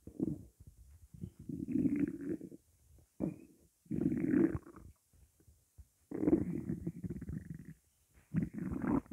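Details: Stomach growling from hunger, with only water in the stomach: low, drawn-out gurgling growls in several long bursts, ordinary hunger rumbling of an empty stomach (borborygmi).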